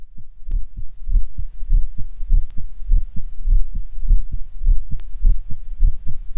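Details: Normal heart sounds, steady paired low thumps with faint hum and occasional clicks, in a first-attempt stereo recording from two stethoscope heads with microphones: mitral area on the right channel, Erb's point on the left.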